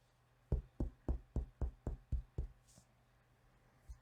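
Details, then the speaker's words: Eight quick, even finger-on-finger taps, each a low hollow thud, demonstrated in a nursing physical-exam lesson near the microphone; expected clear lung (resonant) percussion note. "E aí você percute a estrutura que você tiver que percutir. Eu não sei se eu consigo percutir aqui do lado do microfone, mas vamos ver. Esse daqui provavelmente vai ser um som claro pulmonar."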